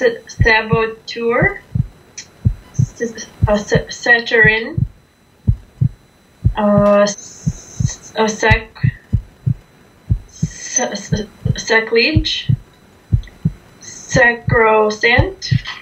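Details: Adult woman with long-standing stuttering, onset around age 6–7 after being frightened by a dog, on day 1 of a stuttering course; repeatedly gets stuck on words beginning with S; stuttering.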